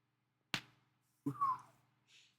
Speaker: Anyway, that noise is my shoulder popping. That's pretty cool, right?